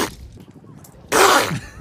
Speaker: Those were the noises of elephant seals sneezing.